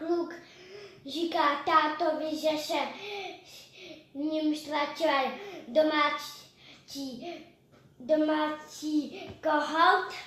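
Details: Czech storytelling by a 5.5-year-old girl born with severe hearing loss, well compensated with hearing aids since age 2, showing morphosyntactic errors. Finding: language errors in a child with congenital hearing loss.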